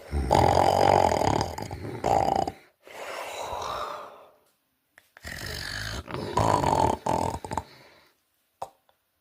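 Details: Loud snoring with pauses in a person who reports having sleep apnea: harsh snores and snorting breaths separated by a few seconds of silence.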